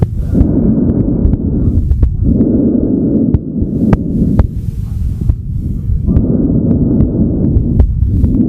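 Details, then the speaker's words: Bronchial (tubular) breath sounds: loud, harsh breathing with inspiration and expiration of similar length and loudness and a clear gap between them, abnormal if heard over lung parenchyma. "branchial also known as tubular breath sounds should not be heard over normal lung parenchyma"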